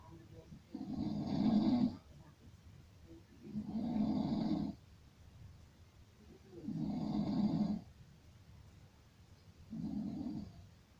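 Deep, rough, rumbling noises on each breath in, with quiet breathing out between, about 22 breaths a minute: snoring.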